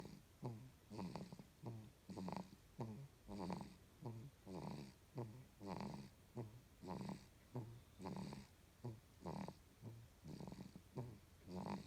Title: One month old baby snoring loudly in grandma’s arms